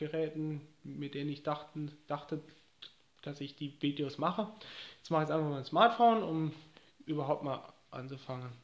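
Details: Adult man with stuttering, speaking German; he says he has found a way to cope and now has few or no problems with it.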